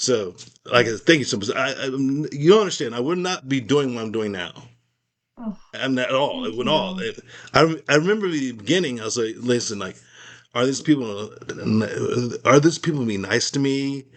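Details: Post-stroke aphasia in an adult man, recorded in a real, unscripted conversation; Aphasia.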